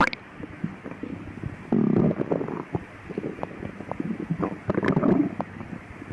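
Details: Stomach growling at midnight: irregular low gurgling and rumbling bursts with bubbly crackles, louder around the middle and near the end; active bowel sounds (borborygmi).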